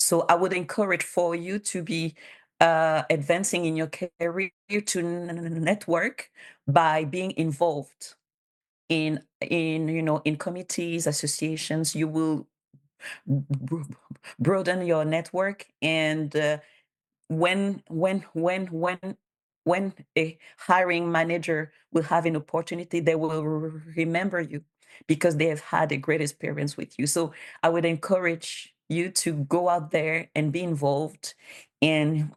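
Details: Stuttering in a bilingual adult woman who stutters, with sound and word repetitions.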